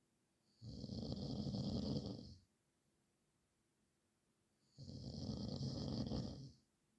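Two long, harsh snoring breaths about four seconds apart, with silence between; loud snoring in sleep.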